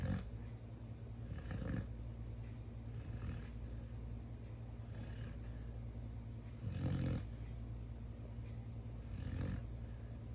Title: Snoring Dog Chopper D ChowChow